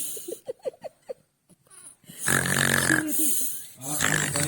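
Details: Sleeping young girl: a few short soft snorts, then long, loud, buzzing, rumbling, fluttering snores on each breath, likened to a lion; loud snoring.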